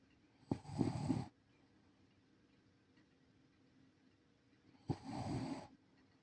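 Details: Two rattling snores about four seconds apart, each a harsh fluttering rumble on the in-breath, from a sleeping senior rescue Shiba Inu dog; ordinary snoring.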